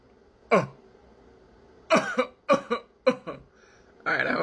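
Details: Deliberately demonstrated voluntary coughs: about five short, sharp coughs, some in quick pairs, then a brief voiced sound, showing how glottal stops can make coughs and sneezes sound more feminine or masculine in voice training.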